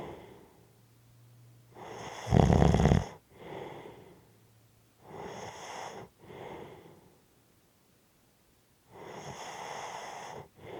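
Heavy, rough snoring breaths with one loud rattling snore and quieter exhalations between, in a slow irregular breathing rhythm.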